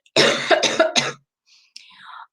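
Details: Adult with a terrible cold and cough, speaking during a live stream: three quick, harsh cough bursts in a row, then a brief quiet voice; the speaker calls it a nasty bit of cough.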